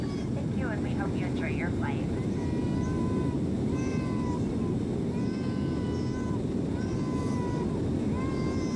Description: I was on my way home from Arizona and there was this baby crying the entire flight.